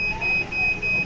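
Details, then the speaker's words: Steady high electronic tone in short repeated stretches over room noise: kidney dialysis machine alarm at a dialysis center signalling end of treatment, patient still seated on the machine. "um I can't stop that beeping um it's time for me to get off the machine"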